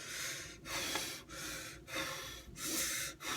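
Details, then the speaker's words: Person trying to force out a stuck sneeze, nose itching and turning red: six forceful nasal snorts and sniffs in quick succession. "yo my snow's starting to itch I got to sneeze and it's not even coming out the [ __ ] yo this is blowing my [ __ ] man now my rose turning red my can't even talk right oh my oh"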